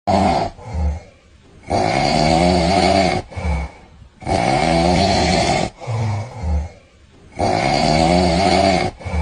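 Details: Heavy snoring: loud, rough, rattling snores on each in-breath, about four in nine seconds, with quieter out-breaths between.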